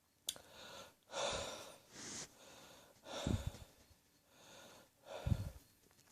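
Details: Person with acid reflux giving a heavy reflux cough: three deep coughs about two seconds apart with noisy breaths drawn in between.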